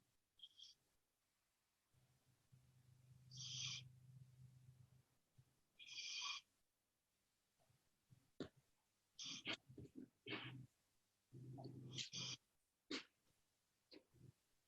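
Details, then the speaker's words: Sleeping pet dog snoring in the room during a yoga class; low droning rumbles with short whistling, snuffling nasal noises. "This dog, I think, is snoring in every single one of my videos. So sorry about that. I wonder that sound is Yep, it's him as Oscar snoring."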